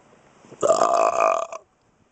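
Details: A single loud, drawn-out belch from a man, lasting about one second, with faint breath sounds before it.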